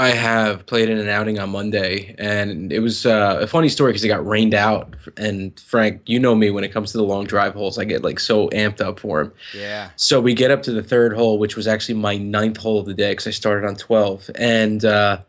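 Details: Adult male speaker; normal voice.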